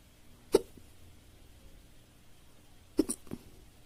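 Two short, sharp hiccup sounds about two and a half seconds apart in a quiet room; the second is followed by a small catch.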